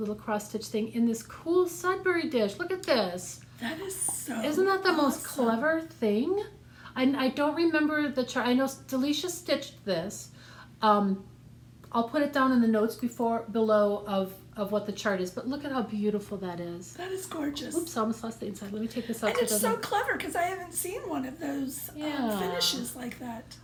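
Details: Adult woman speaking; normal speech.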